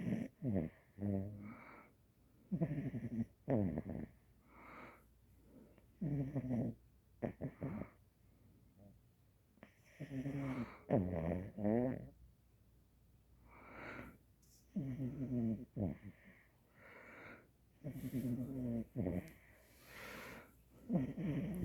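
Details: Small female French bulldog, in her first couple of weeks home: repeated rough, rattling snores on each breath, about 12 a minute, with quiet gaps; surprisingly loud snoring.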